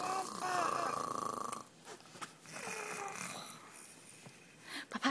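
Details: A child imitates her father's snoring sound; snoring (imitation).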